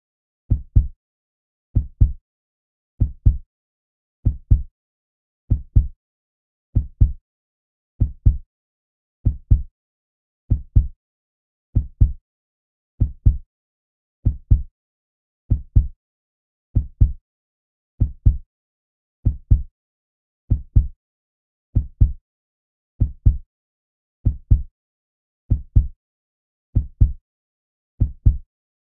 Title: Hearing Strong Heartbeat